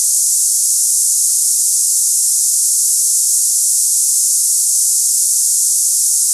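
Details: Steady high-pitched cicada-like hissing, a simulated tinnitus sample for comparing ringing, buzzing or hissing in the ears.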